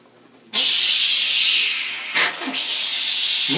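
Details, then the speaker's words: Sudden loud, steady suction hiss with a brief gurgle as rinse water is drawn away: a disposable dental Expectorator on the high-volume suction hose, replacing the cuspidor, as the patient rinses and spits into it. "I like about this thing it clears everything out yeah it's much more efficient this product really sucks"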